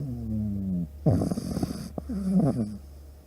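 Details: Pug dog in deep sleep snoring; whistling, tonal breath sounds alternating with a rattling snort, with soft background music; noisy snoring typical of a flat-faced dog.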